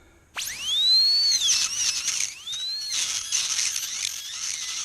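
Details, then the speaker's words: High-speed air-turbine dental handpiece with a carbide burr, used in a home workshop to drill out a bolt. A high-pitched whine rises as it spins up, then grinds while cutting metal; it binds quickly under pressure. "this isn't mechanical this is just a uh little air wheeel in there so uh it'll bind quickly"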